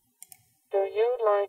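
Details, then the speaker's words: Cochlear implant sound-quality matching for a woman with single-sided deafness, heard through headphones: two soft clicks, then a buzzy, metallic, thin processed voice, a simulation she judges slightly less metallic than her implant. "there seems to be just a little bit more of a metallic sound to the CI"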